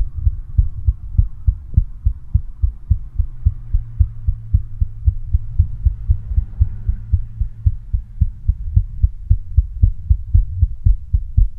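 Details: Female with a visible, hard-throbbing neck pulse: strong, regular low heart thumps at a brisk pace, roughly 110 beats a minute, over a steady hum; heartbeat.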